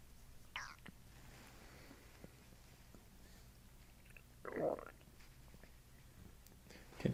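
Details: Borborygmi during a chiropractic abdominal session with belly breathing: a few brief, soft gurgling and squelching bursts from the abdomen in a quiet room; bowel sounds.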